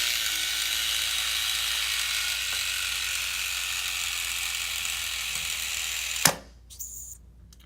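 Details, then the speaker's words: Freedom60 syringe pump, battery-free and spring-driven, running in a training demonstration as the black plunger advances. Steady loud whirring and ratcheting, as loud as in patient use, ending in a sharp click and quieter hiss. "I'm going to start it and you can just watch the black plunger and it's a little loud again it will be this loud when you're using it with the patient"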